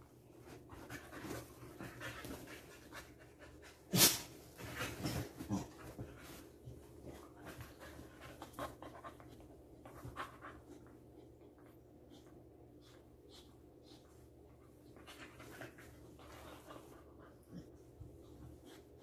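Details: Dog panting after playing outside for hours: rapid, shallow open-mouthed breaths, with a few louder bursts and faint room noise.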